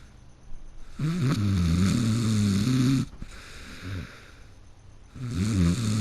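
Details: Person who fell asleep in the middle of a game: loud, rattling snores with a rough fluttering tone on each breath and faint room noise between; heavy snoring.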